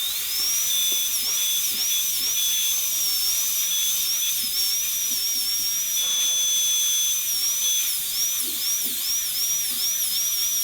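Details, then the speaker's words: High-speed dental drill with a 1557 bur connecting the guide cuts on the non-functional cusp of model tooth #18 for a gold onlay. Cut dry on a typodont, with no clinical water. Steady high-pitched whine dips in pitch as it cuts. "it's a nice burr to use at this stage because it cuts very cool normally we'd be using lots of water if this was a clinical situation"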